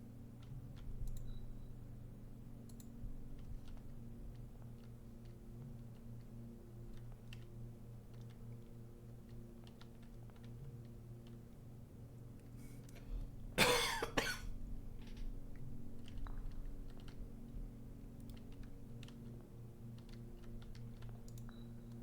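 One brief, forceful adult cough rises above steady room hum and scattered keyboard clicking.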